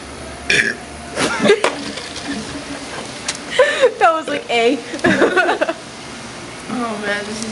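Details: Two friends holding a burping contest at a sandwich restaurant: several loud voiced belches, some shaped into letter sounds, with laughter and talk between; deliberate burping.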